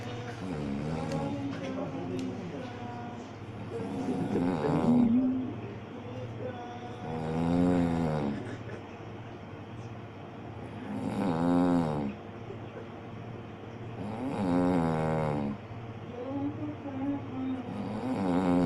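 Loud, rattling, rhythmic snores on each in-breath, about 18 a minute, with quiet room noise between: snoring.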